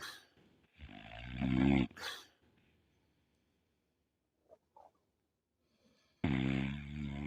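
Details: Sleeping pit bull snoring: two loud, rattling snores separated by a long pause, with a brief snort in between; heavy snoring.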